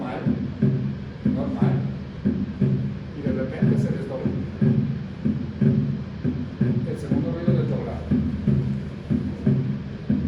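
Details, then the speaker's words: Teaching heart sound recording at about 60 beats a minute: normal first and second sounds, then the second sound splits into two close sounds, no murmur; split second heart sound. "Normal, normal, desdoblado, desdoblado. Normal, normal. Y ahorita se desdobla. Desdoblado. El segundo ruido, ¿no?"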